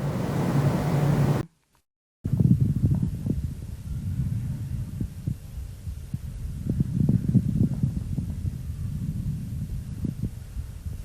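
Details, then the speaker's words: Child's chest through a stethoscope, pediatric teaching example: low, bubbling, popping coarse crackles (large-bubble moist rales) over breath sounds, as heard in bronchitis or pulmonary edema. "Выслушать влажные крупнопузырчатые хрипы можно при бронхите, отёки лёгких. При некоторых патологических процессах могут выслушиваться разнокалиберные влажные хрипы. Давайте прослушаем аукультативную картину при влажных крупнопузырчатых хрипах."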